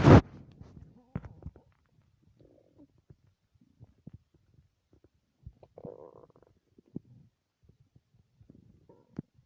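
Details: Stomach growling after not eating for three whole days: soft, low gurgles and rumbles in scattered bursts after a loud initial bump. Normal hunger-related borborygmi.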